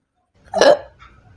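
A single abrupt, gulping catch of the breath in a quiet room: a hiccup.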